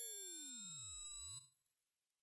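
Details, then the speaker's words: Pure test tones sweeping across the pitch range for a self-check of high-pitch hearing limits ("hearing age"); the listener notes where they stop hearing, and headphones are recommended. "आपको बस आवाज सुननी है और जब आप सुनना बंद कर दें तो स्क्रीन पर नंबर देखें यह आपकी यरिंग एज है"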